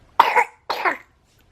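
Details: Two short, harsh coughs from an infant boy with bronchiolitis who was started on nebulizer treatments for difficult breathing at night; a bronchiolitis cough.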